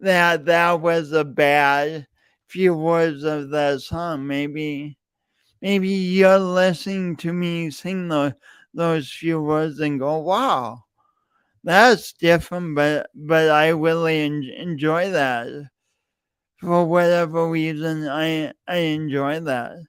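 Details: Adult man with a self-reported speech impediment, present for years and audible whenever he speaks; speech disfluency (stuttering) with repeated words.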